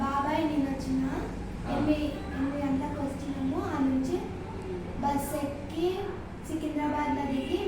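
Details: Patient, female, with aphonia after thyroidectomy, recorded after one month of voice therapy; voice has come back well and is expected to get louder in one to two more weeks; recovered voice after post-thyroidectomy aphonia.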